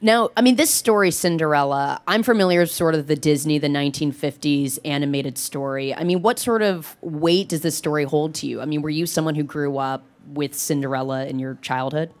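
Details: Adult speaker; normal speech.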